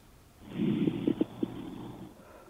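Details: Stethoscope auscultation of the chest during an OSCE respiratory examination demonstration, patient taking deep breaths in and out through the mouth: several low, bubbling pops, typical of coarse crackles.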